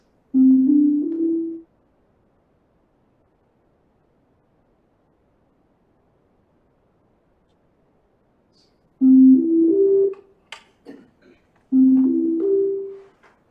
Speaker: And so this means we have variations of the sounds that go like this, whereas a current sound in the hospital sounds like this.